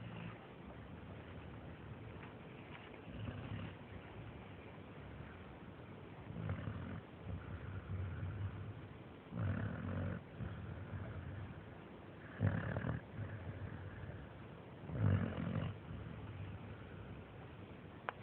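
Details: Sleeping American Staffordshire terrier: deep, rumbling snores in repeated breath cycles about every two and a half seconds, low room noise; snoring.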